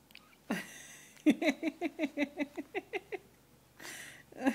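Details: An infant boy gives a run of about ten short, quick voiced catches in the breath, one after another; infant hiccups, a harmless normal event.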